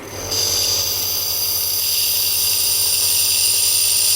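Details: A steady, high-pitched mechanical hiss with a low motor buzz starts and runs continuously: a nebulizer compressor operating during a home-use demonstration.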